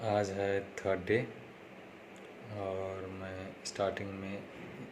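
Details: Male with self-reported stammering, following speech therapy tips in a daily practice series, day 3; stuttering.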